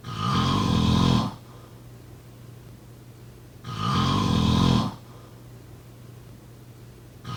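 Loud, rough snores about every three and a half seconds with quiet gaps between: regular snoring.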